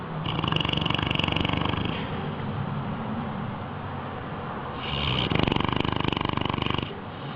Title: Cute Animals Snoring